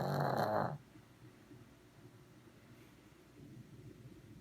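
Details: Sleeping Shih Tzu dog snoring: a single loud, rattling snore followed by soft, low breathing sounds in a quiet room.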